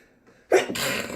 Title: Astro sneeze